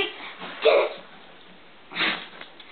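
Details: Female poodle sneezing during trick training (sit, speak, down): two short, sharp nasal sneezes about a second apart in a quiet room.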